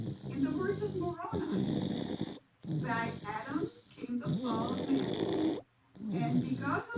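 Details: Loud, rattling snores in a sleeping baby, one with each breath and short pauses between, noisy nasal and throat breathing during sleep while asleep in church; snoring.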